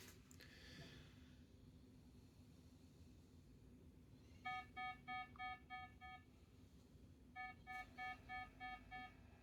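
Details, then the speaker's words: Pulse oximeter alarm in an unresponsive patient with 22q11.2 deletion syndrome during a dystonic storm with seizures, bradycardia and dyspnoea, oxygen saturation dropped below threshold at 89%; low oxygen saturation alarm. "Nonresponsive stimuli oxygen stats have just dropped below threshold 89%."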